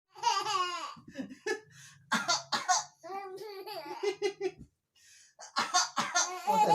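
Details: Several short, harsh coughs from a father while his infant giggles with high, bubbly laughter in a small room; an ordinary cough.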